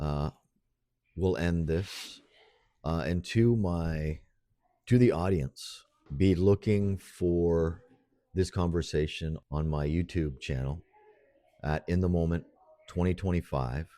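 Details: Adult man speaking; ordinary speech.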